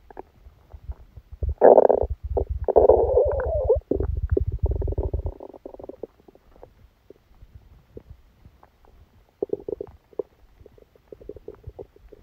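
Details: Stomach sounds recorded during a stomachache after Christmas dinner while the person slept: loud gurgling, bubbling rumbles fading into softer intermittent gurgles; active bowel sounds, stomach rumbling.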